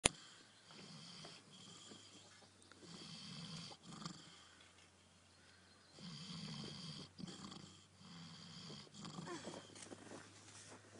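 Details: Repeated grunting, rattly snores with soft breathy gaps from a sleeping pig: snoring.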